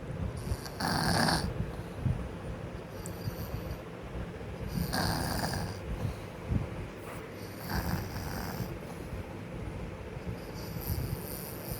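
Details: Sleeping child snoring: repeated hissing, rattling breaths with low snorting vibration, about one every three seconds, roughly 20 a minute.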